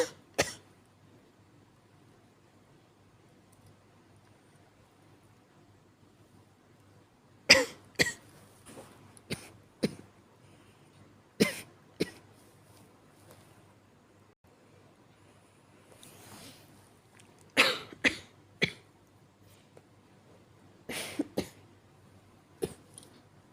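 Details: Acted weak cough by an adult: soft, short coughs in small clusters with quiet pauses.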